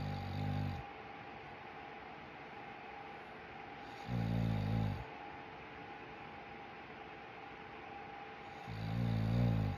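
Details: Loud, low rattling snores about every four seconds (roughly 14 a minute) over a steady room hum, recorded beside the sleeper; snoring.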